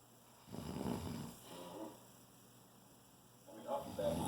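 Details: A man snoring: two low, rattling breath sounds a few seconds apart in a quiet room.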